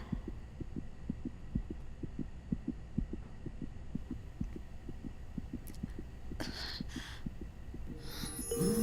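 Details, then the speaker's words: Simulated (film scene) fetal heartbeat on an ultrasound monitor in a pregnant woman, described as the first heartbeat: rapid, regular whooshing thumps over a low hum, then rustling. "Meera, இந்த beat உனக்கு தெரியுதா? உயிரோட முதல் துடிப்பு, initiation of heart beat. சத்தம் கேக்குதா?"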